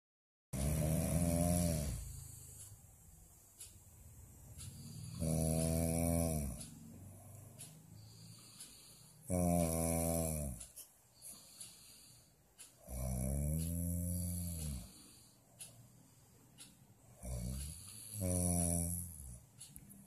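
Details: A husband asleep and snoring very loudly: rattling snores about every four seconds, roughly 15 a minute, with quieter breathing between.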